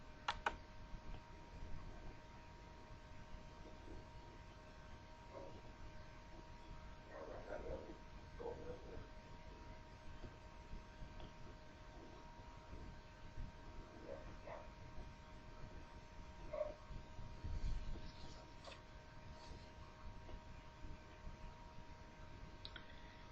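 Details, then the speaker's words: Soft, low, steady breath sounds heard through a stethoscope; normal vesicular breath sounds (murmullo vesicular). "escuchemos entonces un murmullo vesicular"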